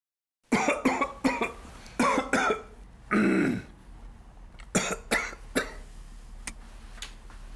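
Repeated short, harsh coughs with no wet rattle, acted for an advertisement, fitting a dry tickly cough.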